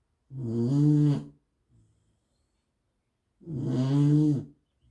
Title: Ruby snoring